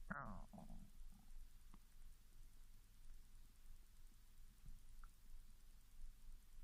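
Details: Japanese girl's hunger stomach growling (borborygmi) after 16 hours without food, starting after drinking mineral water, recorded directly over the stomach: a brief squealing gurgle, then low bubbling rumbles.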